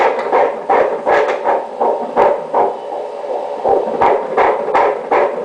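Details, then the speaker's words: Fetal heartbeat heard during a pregnancy ultrasound with color Doppler: rapid, regular whooshing pulses, about 160 a minute, beating normally. "Dá pra ouvir? Dá. Tá batendo direitinho."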